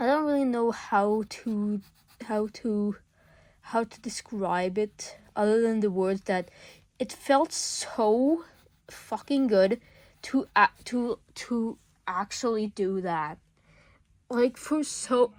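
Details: School-age speaker under legal guardianship who self-reports stuttering a lot: real stuttering.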